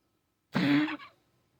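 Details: A single short, harsh, hacking cough from a pet animal being brought to the vet; the owner dislikes how it sounds.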